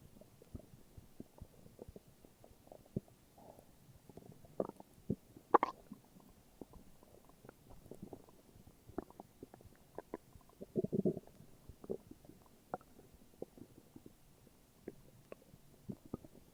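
Quiet gurgles, pops and brief rumbles from the belly, ordinary stomach growling.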